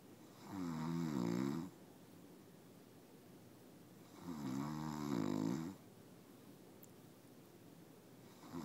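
Two long, rumbling snores on breathing in, about four seconds apart, in a quiet room; ordinary snoring.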